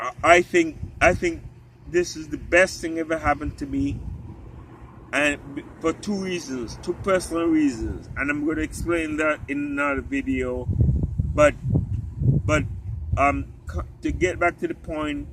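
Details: Ataxic dysarthria in an adult man with genetic spinocerebellar ataxia type 3 inherited from his father; the disease affects his talking, and he may eventually become unable to speak.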